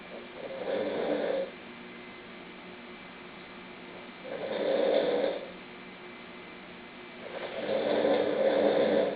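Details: Slow, regular snoring: a low rattling sound on each breath in, about 20 breaths a minute, with quiet pauses between.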